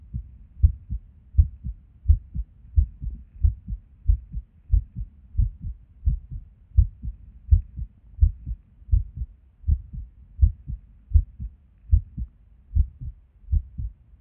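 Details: Resting heart recorded at Erb's point while sitting at a desk, heart often skippy with and without reason: low thumps about 85 a minute with uneven spacing and occasional pauses; irregular heartbeat with skipped beats.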